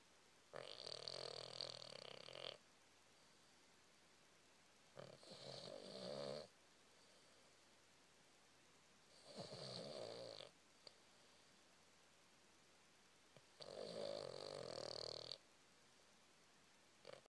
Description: Suggestion: Turn up the volume to hear this cute video of Cavalier King Charles Spaniel snoring.